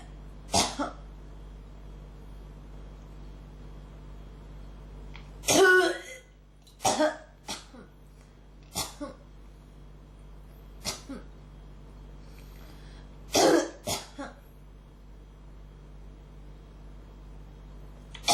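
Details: Cough that won't stop: repeated dry coughs and throat clearing, about eight bursts with pauses, quiet room; throat feels strongly irritated, something almost coming up but not quite. Cough.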